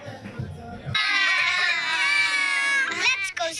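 Loud high-pitched wailing cry with strong tonal voicing after a brief noisy start; an animated character's crying.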